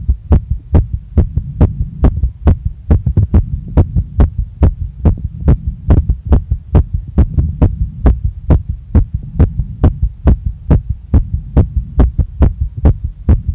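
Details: Very fast, strong pounding female heartbeat right after a workout, felt in chest, neck, face and stomach, with visible chest movement; steady regular rhythm about 140 a minute, sinus tachycardia after exercise.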